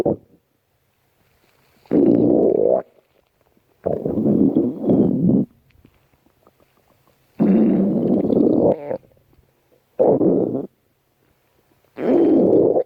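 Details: Repeated loud, long gurgling rumbles lasting about a second each with quiet gaps; ordinary stomach growling.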